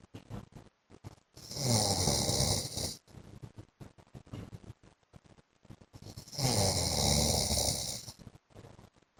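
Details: Adult man (husband) snoring during sleep: two loud, rough snores about five seconds apart with quieter breath noise between; ordinary snoring.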